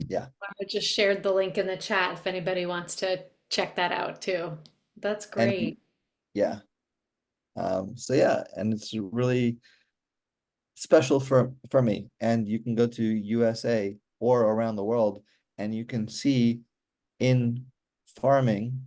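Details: Real adult male stroke survivor with aphasia since a stroke during surgery for hereditary mitral valve prolapse in 2007, recorded in 2024; he still finds communicating hard; aphasia.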